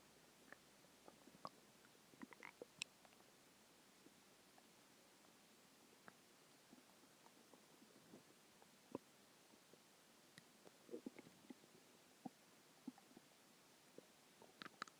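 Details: Bowel sounds (borborygmi) a few hours after a very large meal: quiet scattered gurgles and clicks over a soft hiss, ordinary stomach growling.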